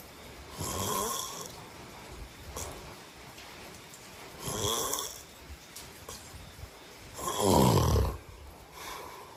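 Three loud, rough snores at regular intervals, about every three and a half seconds, with quiet breathing between them in a still room: typical snoring.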